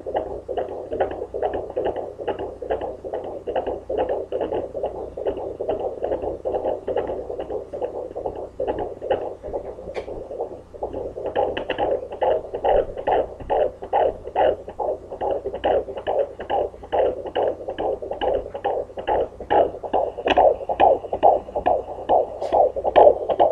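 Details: Home fetal Doppler, estimated at about 143–145 bpm; earlier attempts may have picked up the mother's pulse. Fast, regular whooshing pulses, possibly the fetal heartbeat.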